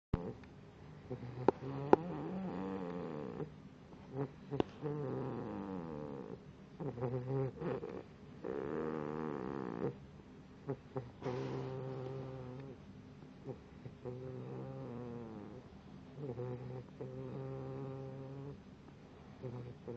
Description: Moose my pitbull puppy snoring